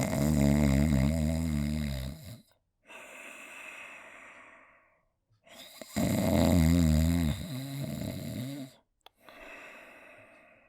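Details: Simulated, self-made snoring sound effect: two loud, rattling buzzy in-breaths, each followed by a softer breathy out-breath, roughly ten breaths a minute; finding: snoring.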